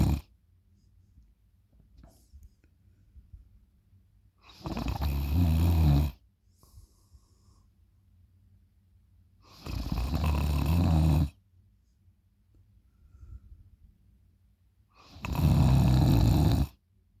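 Three loud, rough, low snoring breaths about every five seconds, roughly 11 a minute, with quiet exhalations between; loud snoring during sleep.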